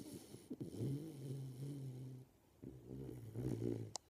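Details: Sleeping 13-week-old Golden Retriever puppy snoring: two long, low, rumbling snores with a brief quiet gap between them.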